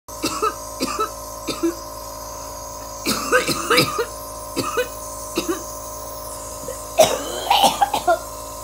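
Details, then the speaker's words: Repeated short coughs and throat clearing in clusters, with a steady background tone: a loose, wet, productive cough bringing up mucus. The cough came back a couple of days ago and has been increasing daily; the most coughing so far. "it's scary because I've been doing what I'm supposed to do and this is just part of it like usually I wouldn't be coughing this much this is the most that I have coughed"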